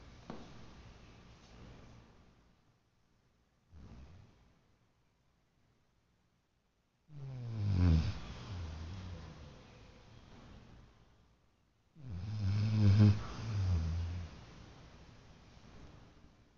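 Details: Sleeping baby: low rumbling snores on inhalation at about 12 breaths a minute, with quieter breathing between them. Infant snoring.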